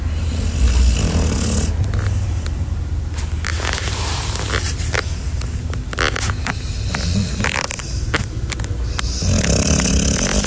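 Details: Sleeping pitbull puppy snoring: loud, rough, low snorting and rattling breaths through much of the clip, with scraping sounds.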